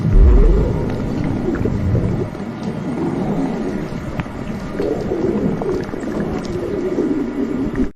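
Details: Low, gurgling, watery rumbles that roll on continuously: stomach rumbling (borborygmi).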